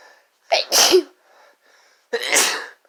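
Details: Two loud, explosive sneezes, the first with a sharp intake just before it, from people in a sneezing fit brought on by chhinkni sneezing powder.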